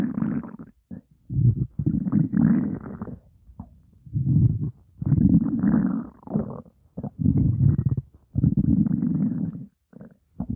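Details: Repeated low gurgling, rumbling bursts of about a second each after 12 minutes of hunger, with only water in the stomach; ordinary hunger rumbling (bowel sounds).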